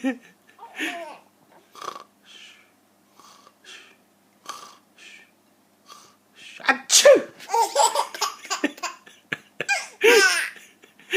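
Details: Adult imitating sneezes (repeated "achoo") for a 4-month-old baby, who laughs: several short playful sneeze-like bursts followed by infant laughter.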